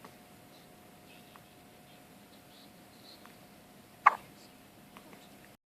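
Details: A 1-day-old newborn gives a single sharp, brief hiccup in a quiet room; hiccups.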